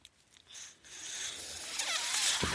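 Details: Speaker's own mechanical ventilator breath cycle: a soft, rising airy hiss that builds steadily over about two seconds as the machine delivers a breath.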